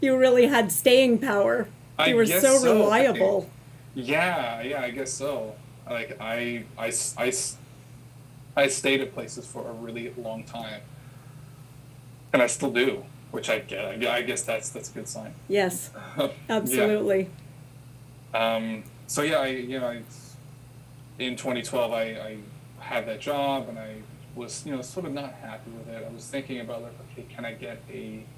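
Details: Adult who has stuttered since childhood and had speech therapy sessions as a child; repetitions heard; stuttering.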